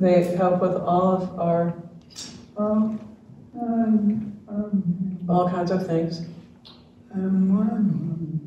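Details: Dysarthria in ALS (diagnosed late 2021) in a man, retired pediatrics professor; his jaw trembling is neurologic clonus, not crying, per his wife, who translates for him.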